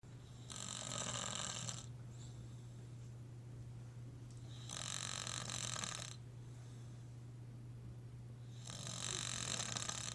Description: Some guy snoring somewhere in Florida